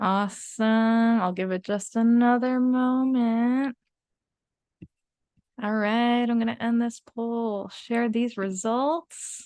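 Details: Adult woman; typical speech.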